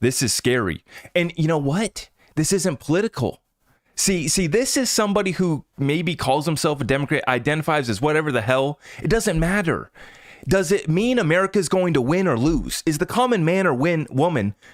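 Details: Adult male speaker; typical speech.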